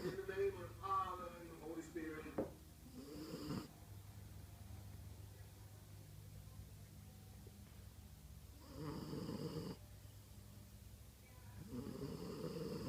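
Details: Sleeping female French Bulldog snoring: rough, rattling snores on breaths in, two or three across the stretch, with quiet breathing between; short-nosed dog snoring in sleep.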